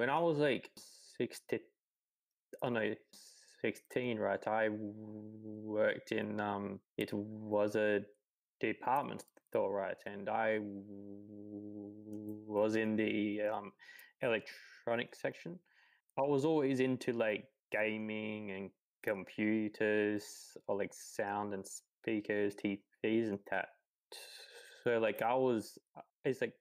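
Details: 28-year-old man who has stuttered his whole life, since about age three, speaking in conversation; stuttering.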